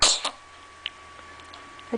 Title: MOV00140 sneeze